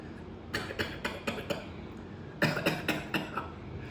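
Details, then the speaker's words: Simulated deep lung cough: a doctor imitates the cough typical of pneumonia, early tuberculosis or interstitial fibrosis, two runs of about five short, forceful coughs each. "छोटा सा आपको समझाता हूं कि कैसे जो खांसी बिल्कुल डीप लंग से शुरू होती है जैसे निमोनिया हो गया या टीबी शुरुआत में हो गई या कुछ बीमारियां होती है जिनको इंटरस्टीशियल फाइब्रोसिस कहते हैं उनकी खांसी ऐसे होती है।"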